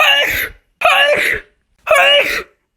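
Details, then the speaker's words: A run of three loud, abrupt sneezes in quick succession, each about half a second, during a sneezing attack on Christmas Eve. "It's Christmas Eve and I'm having a total sneezing attack."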